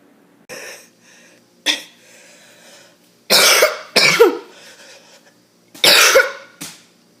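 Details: Harsh coughing fit described as a choking cough: about five harsh, explosive coughs in quick bursts with rasping tails.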